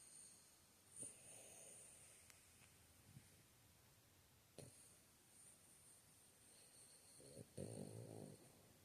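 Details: Sleeping person snoring while dreaming: soft, faint snoring breaths with a louder rough snore near the end, over quiet background noise.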